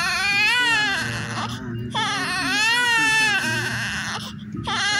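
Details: Loud, strong cry in long wailing bursts with brief pauses for breath from a healthy newborn weighing 2.8 kg: normal newborn cry.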